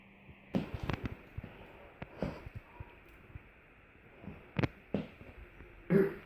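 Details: An adult with an ongoing cough gives several short, quiet cough-like bursts in a small room, some in quick pairs, with no speech.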